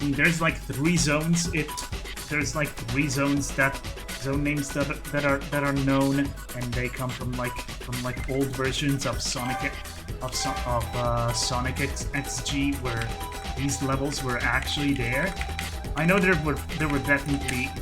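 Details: Stuttering in an adult male who calls his own speech a stuttery mess; repetitions of words and phrases throughout live gameplay commentary.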